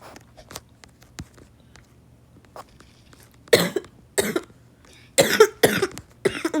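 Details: A burst of about five harsh, wet-sounding coughs in quick succession, a coughing fit, from a person who is still really sick, recorded while gaming.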